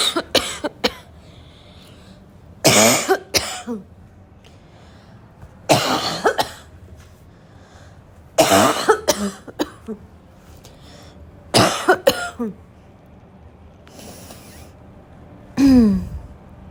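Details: An adult has repeated harsh, loud cough bursts in bouts, mixed with throat clearing, described as an intense recurring barking cough.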